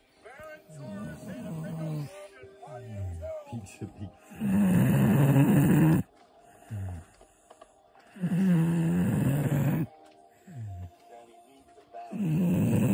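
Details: Sleeping dog; loud, low rumbling snores in about two-second bursts every few seconds, with quieter sounds between them; snoring.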